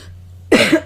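A single short, explosive cough after quiet with a low hum: a single cough.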